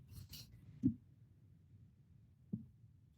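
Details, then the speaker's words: Lecturer imitating a pleural friction rub, compared to two sheets of sandpaper or paper rubbed together with each breath in pleuritis: brief scratchy rubbing strokes; pleural friction rub (imitation). "y así se oye un rozo se oye un roce como que como que dos lijas como que dos lijas usted las tengo y le está haciendo así así se oye el roce pleural"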